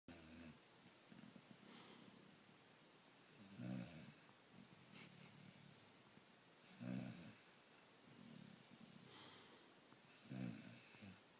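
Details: Sleeping pup snoring rhythmically, about 18 snores a minute, each a low rattling breath with some whistling, over quiet room noise: snoring.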